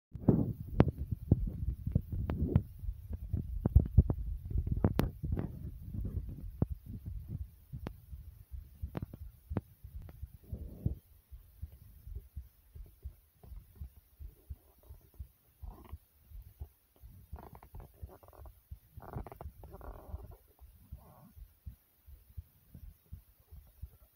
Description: my heart slightly beating fast and my stomach growls a little bit as well